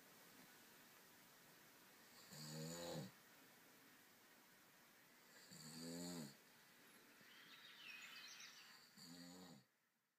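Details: Possible snoring in a baby boy sleeping in his crib who has just started rolling over: soft buzzing snores about 19 breaths a minute, with quiet pauses.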